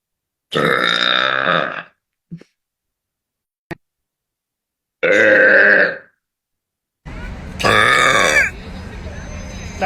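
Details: Several long, loud, voiced belches in a row over room noise; spontaneous burping that "just happens," from a person whose burps appear on a Frank Zappa album.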